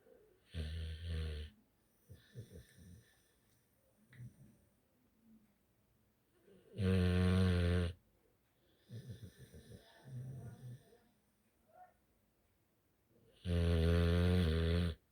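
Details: Pitbull (possibly American bully) dog snoring heavily while sleeping: loud, deep, buzzing snores, about 9 a minute, with softer snuffling breaths between them.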